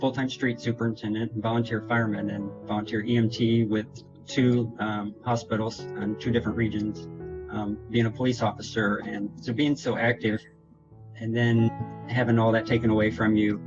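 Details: Adult man with progressive multiple system atrophy affecting motor and autonomic function, diagnosed June 2017, reporting difficulty getting speech out correctly; dysarthria (multiple system atrophy).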